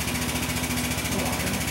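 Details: High-frequency oscillatory ventilator running during a staff in-service on non-adult patients: loud, rapid, steady mechanical buzzing of piston-driven pressure pulses.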